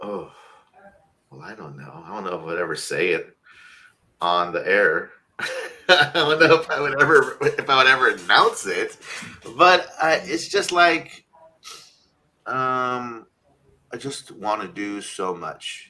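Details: Adult male who had a stuttering speech impediment when younger and says he still sometimes stutters; stuttering.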